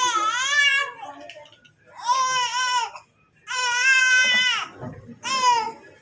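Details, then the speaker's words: Infant crying during ear piercing: several loud, high-pitched distressed crying bursts with short pauses between them. "Ini nangis sedikit ya."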